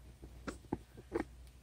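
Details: Pet male rat with severe respiratory noises: small wet clicking and snuffling on quiet breaths; just started on doxycycline and Baytril (enrofloxacin).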